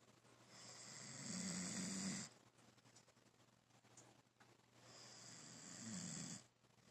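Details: Man snoring: two long, rough snoring breaths with a low rattling buzz, separated by quieter exhalation.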